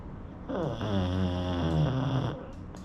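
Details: Pug, sleeping: one long, loud, rattling snore on a single breath, low and buzzy; dog snoring.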